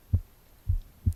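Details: The narrator's own heartbeat recorded on the left side of the chest while reading aloud: soft, low thumps, a lub-dub pair then another beat; normal heart sounds.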